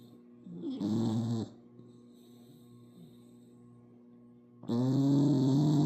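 Two short rattling snore sounds from a sleeping puppy, separated by a quiet stretch with faint background hum.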